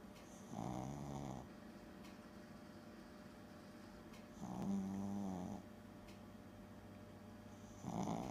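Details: A sleeping dog snoring in a quiet room: slow, rattling, buzzing snores about every four seconds, roughly 15 a minute.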